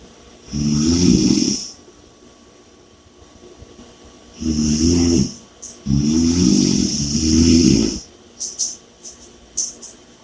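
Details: Loud, rattling snores on each in-breath, with heavy breathing between them and a steady background hiss; snoring.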